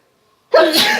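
Silence, then a single sudden loud explosive sneeze burst with a voiced onset, after nasal tickling.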